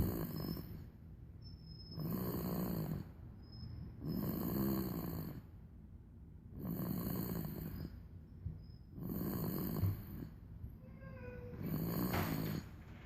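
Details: Snoring from a 3-month-old infant asleep: regular low rumbling snores about every two seconds, roughly 28 breaths a minute, with hissing noise between.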